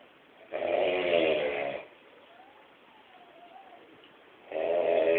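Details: Snoring in a man during sleep: a loud rattling snore on the in-breath, about a second long, then a quiet pause before the next breath.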